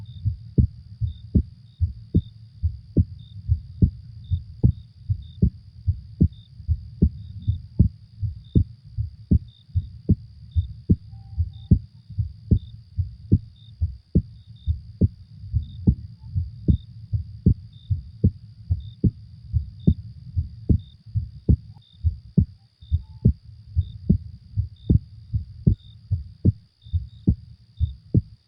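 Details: Steady low heart thumps at about 74 beats a minute over a faint high steady hum, used as a sleep sound: normal heartbeat.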